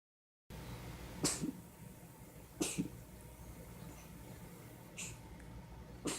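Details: Cat coughing up a hairball: four short, sharp hacking bursts with retching as the cat brings up a hairball.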